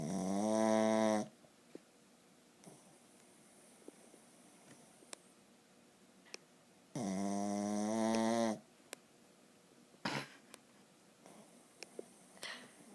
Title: Dog snoring